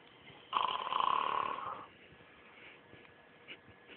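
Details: Snoring during sleep: one loud, rattling snore lasting over a second, then quiet breathing in a small room.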